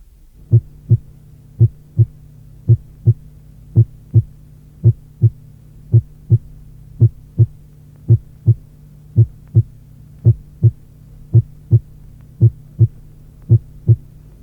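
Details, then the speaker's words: Simulated heart sounds at about 56/min with a PR interval of 0.14–0.16 s: the first heart sound is moderately loud and still louder than the second. "Lorsque l’intervalle PR est compris entre 0,14 et 0,16 seconde, le premier bruit, modérément intense, reste plus fort que le deuxième."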